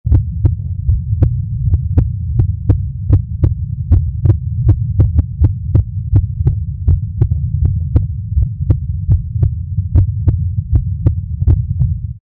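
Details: Heartbeat sound effect, described as real: a steady low throbbing heartbeat with sharp clicky beats, roughly 80 a minute, over a constant low hum.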